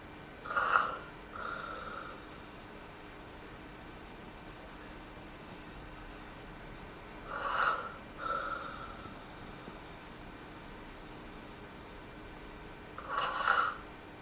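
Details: Real footage of a female hospice patient actively dying, likely within about 72 hours: irregular breathing with long apneic pauses, with no agitation, pain or suffering; end-of-life breathing.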